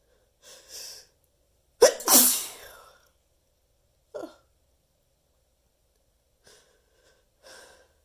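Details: Teasing sneeze with torturous buildups: breathy in-breaths building to one loud explosive sneeze, then a few short catches and quiet breaths.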